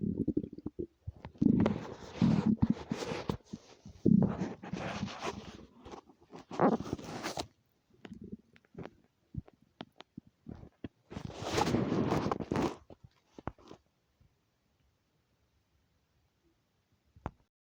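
Gurgling, rumbling stomach growls in several bursts, ordinary hunger-related bowel sounds.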